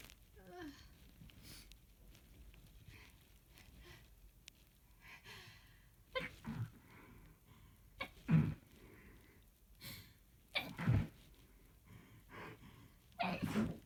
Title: muffled rapid sneezing fit